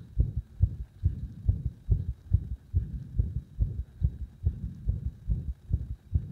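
Rapid, fairly regular low thumps at about 140 per minute, with slight unevenness in spacing; heart sounds during an induced arrhythmia.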